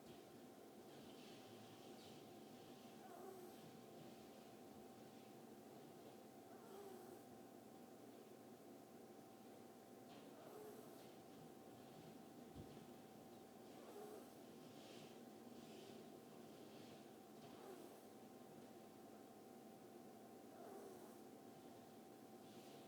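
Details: Pet ferret asleep in the owner's lap: soft, regular snuffling snores, about 17 breaths a minute, over a steady room hum.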